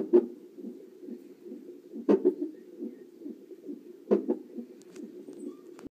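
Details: Fetal hiccups on a CTG monitor: sharp, regular thumps about every two seconds over a steady Doppler whoosh.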